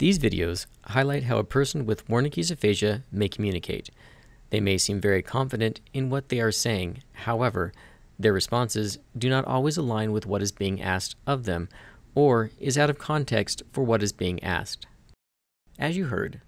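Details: Adult male narrator; normal speech.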